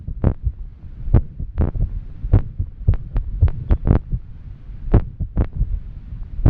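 Rapid, uneven thumping heartbeats with irregular spacing and varying strength, plus breathing noise; a fast irregular rhythm after exercise.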